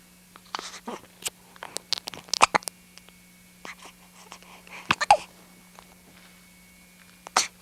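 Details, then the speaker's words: Young child with hiccups, recorded in 1992; she says she had hiccups every night for a month and a half before birth. Sharp, brief hic sounds at uneven intervals with soft vocal noises in a quiet room. "See, I got these hiccups every night for a month and a half before I was born, and now me and my cousin Caroline still both have the hiccups."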